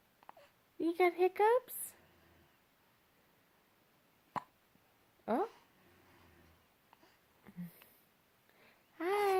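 Brief, abrupt infant vocal bursts and sharp catches, spaced apart among soft babbling sounds and quiet room noise, fitting infant hiccups.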